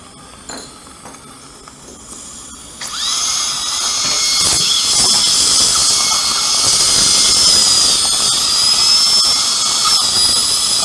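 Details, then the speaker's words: Quiet room, then a steady high-pitched dental drill whine using a diamond bur with water spray, cutting an upper second molar before its extraction for immediate implant placement with no sound bone under the sinus floor. "다이아몬드 보어 줄래요? 이거는 커팅은 잘 되는데 바브레이션이 커요. 그래서 다이몬드가 좋아요. 물이 좀 나옵니다."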